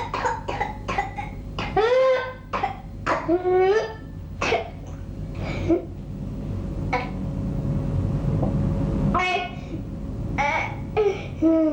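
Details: Whooping cough (pertussis) in a young child: bursts of rapid coughs broken by high, crowing whooping gasps.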